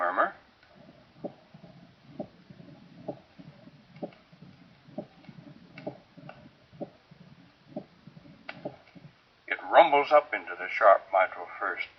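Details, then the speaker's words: Presystolic murmur of advanced mitral stenosis: a rough crescendo rumble, about 70 a minute, ending abruptly in a sharp, loud mitral first sound, followed by brief speech. "fortunately for us a presystolic murmur is always associated with and ends abruptly in a sharp micro first sound"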